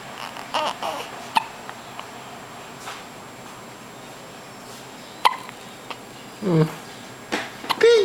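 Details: A baby hiccupping, with short, sharp hiccups at uneven intervals mixed with soft babbling in a quiet room.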